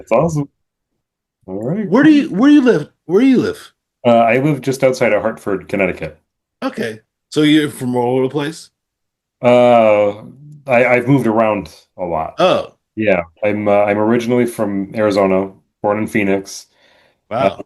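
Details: Adult man speaking in conversation; normal speech.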